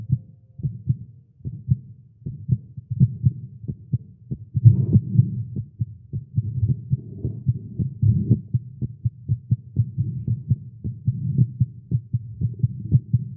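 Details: Male, exercising with caffeine; tagged irregular heartbeat. Rapid, steady heart thumps at roughly 130 beats a minute with muffled rushing between beats: a fast heartbeat.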